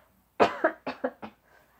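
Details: Adult gives a quick run of about five short, dry coughs with no wet rattle, after dust and styrofoam from a broken cardboard box went up the nose: dry cough.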